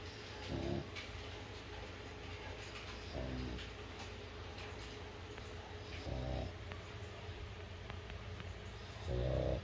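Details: Snoring from a sleeping pug dog.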